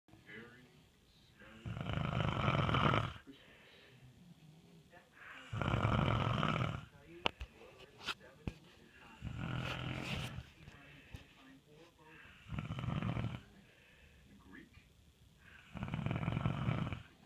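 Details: Sleeping husband snoring: loud, rough, low-pitched snores, about five in seventeen seconds, each over a second long with quiet pauses between.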